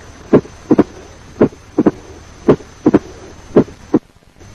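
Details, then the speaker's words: Opening snap of mitral stenosis: regular heart sounds with a high-pitched, short, sharp snapping sound about 40–120 ms after S2, heard in diastole. "Now let us turn our attention to another sound commonly heard in diastole, the opening snap of mitral stenosis."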